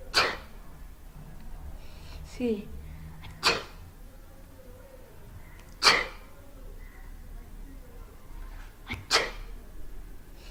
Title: Cant stop sneezing